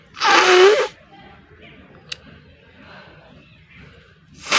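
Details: A single loud, explosive sneeze at the start, then quiet room noise, with a second sneeze beginning at the end; sneezing and nose blowing challenge video; sneeze.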